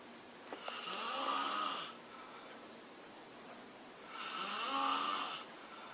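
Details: Ordinary snoring: two rough, buzzing inspiratory snores about three to four seconds apart with quiet pauses between.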